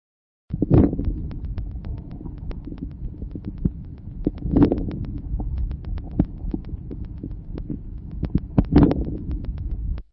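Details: Breath sounds with a few short, sharp crackles confined to the start of each inspiration; early inspiratory crackles, characteristic of severe bronchial obstruction.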